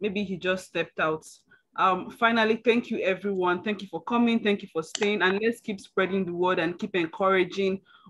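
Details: Adult speaker; ordinary speech.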